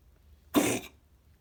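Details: Single short, harsh cough burst from a cat with a persistent cough and sneezing. The X-ray looked OK, and antibiotics and asthma steroids did not help. A lung specimen later showed Mycoplasma felis infection, and the cough resolved on doxycycline.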